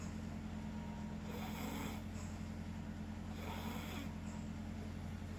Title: Me and my Dad snoring together